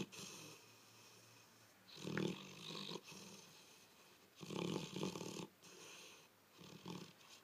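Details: Snoring from Chip, presumably a sleeping animal, possibly dreaming of chasing a rabbit.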